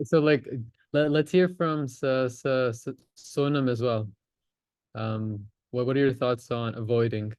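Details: Stuttering (stammering) in a male adult in a stammering association's online practice course, who discloses his stammer and uses voluntary stammering.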